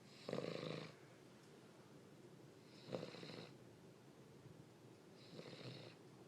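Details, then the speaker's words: Three rattling, throaty snore bursts a few seconds apart from a sleepy King Charles spaniel in a quiet room; snoring. "but are you snoring with your eyes open yes uh"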